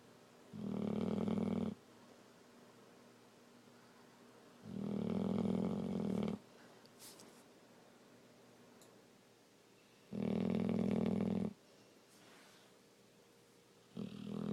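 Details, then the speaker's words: Female, possibly awake, that has long made fake snoring sounds: three loud, rough, droning breaths about four seconds apart with quiet gaps; deliberate imitation of snoring. "Are you sleepy? Fake snoring? Are you fake snoring? Is that a fake snore?"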